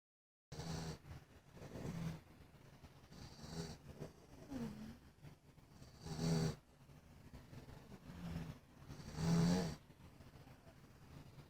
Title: Max, the snoring dog